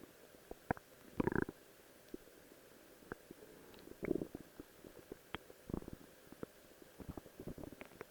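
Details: Person wearing a Rose cosplay outfit records their own stomach growling: soft gurgling and brief squelching rumbles over a quiet background; borborygmi from gas and fluid moving through the gut.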